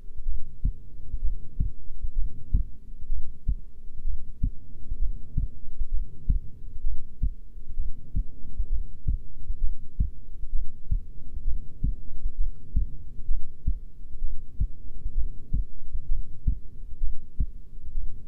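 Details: Resting heartbeat of a female: steady low thumps at about 65 beats a minute over a soft hum; normal heartbeat.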